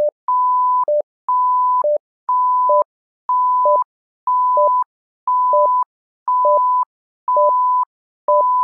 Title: SimMon simulated patient monitor